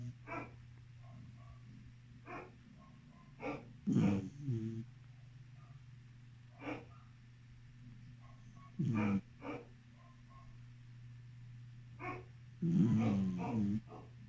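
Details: Beagle dog snoring while asleep: low rumbling snorts at intervals over a steady background hum.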